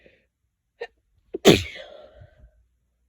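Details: Quick sharp breaths in, then one loud explosive sneeze with a trailing exhale: an ordinary single sneeze.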